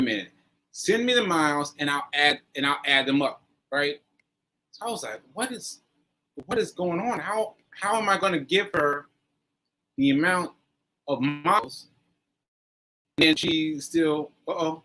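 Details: Aphasia in a male stroke survivor, stroke on 7/14/22, recorded about a year later (7/4/23) during ongoing recovery.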